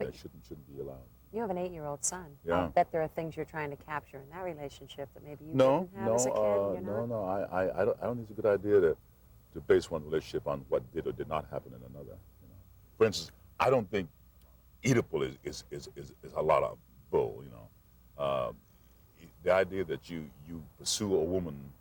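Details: Adult male actor who stuttered since childhood, refused to speak for 8 years as a child, and says he always will be a stutterer, occasionally audible; stuttering.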